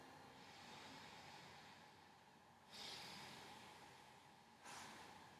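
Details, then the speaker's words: Adult male, auscultated anteriorly and posteriorly while taking deep breaths: soft, steady airflow hiss with no crackles or wheezes; clear, normal breath sounds. "lung sounds are nice and clear I don't care any rolls any crackles any wheezes anything like that"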